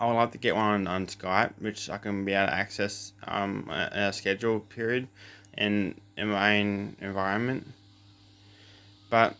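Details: Adult man with cluttering since birth: doubles words, runs words together, speaks too fast, uses fillers; also has a lisp; cluttering.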